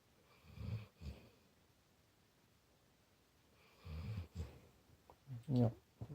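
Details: A sleeping Labrador puppy about 8 months old, lying close to the owner's face: low, rumbling snores in regular bursts with short snorty breaths between, in a quiet room.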